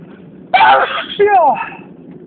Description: Today I had a very intense and loud sneezing fit...enjoy